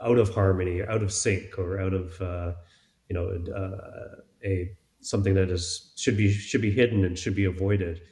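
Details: Stuttering in an adult man speaking in a podcast interview, with word repetitions heard such as "I I", "some some" and "wouldn't wouldn't".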